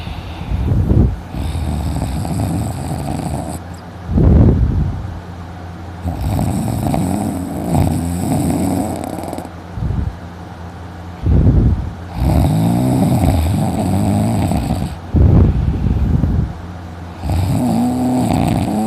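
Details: Person snoring loudly after sleeping in, later with a sore throat: loud, rough snores with each breath, about five cycles in nineteen seconds; heavy snoring.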